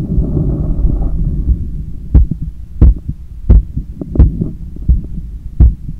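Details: Own heart sounds via stethoscope after a 10 km run, lying on a daybed turned onto the left side while trying to control breathing: strong, regular low thumps at about 88/min under a breathing rumble; normal post-exercise heart sounds.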